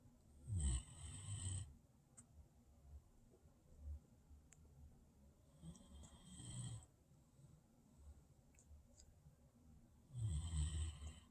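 Soft, low snoring breaths recurring about every five seconds, roughly 12 a minute, in a quiet room; a sleeping dog snoring.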